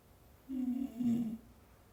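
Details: A sleeping dog gives two short, low, buzzing breaths, a soft snore.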